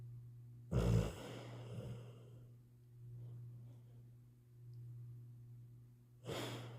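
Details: Sleeping bluenose pit bull after hard play: a sudden snort, slow soft noisy breaths over room hum, and a second snort near the end; snoring.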